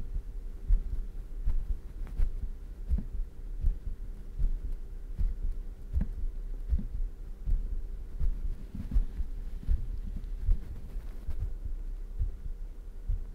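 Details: Heartbeat in an ASMR recording made at high microphone sensitivity, described as fast: soft, low thumps roughly 78 a minute with faint hum, occasional clicks, possible shirt noise.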